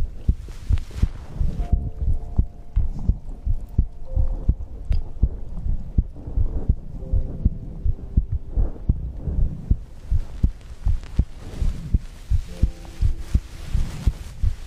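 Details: Heartbeat recorded for ASMR heartbeat-and-breathing sleep content: regular low thumping heartbeat, about 83 beats a minute, with a faint steady hum in the background.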